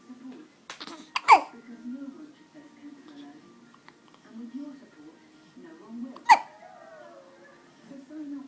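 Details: Two sharp, abrupt voiced hiccups about five seconds apart over faint background music and voices; ordinary hiccups.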